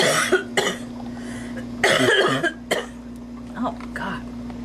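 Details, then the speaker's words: A mature adult woman coughs in several short, loose bursts while doing her makeup; she blames allergy; steady low hum and faint room noise behind; cough. "Oh, it's messing up my makeup. God. Damn allergy."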